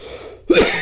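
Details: Adult eating very spicy ramen: after a quiet moment a single short, harsh reflex cough from throat irritation; irritant cough.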